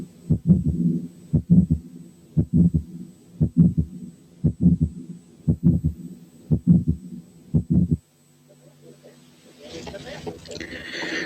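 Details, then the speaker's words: Fainter early diastolic murmur than the previous example: regular heart sounds near 58 a minute with a soft, faint murmur just after the second sound. "نسمع المثال الجاي اللي فيه الايرلي دايستوليك مامر فينتر عن اللي فات."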